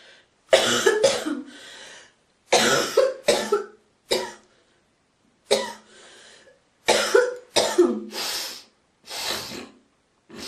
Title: girl coughing, Hocking and spiting❣️